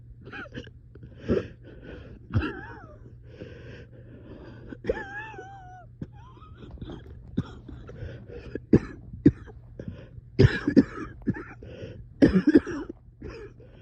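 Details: Coughing fit at 3am with shortness of breath: repeated harsh coughs in clusters with throat clearing and strained, wheezy breaths between bouts.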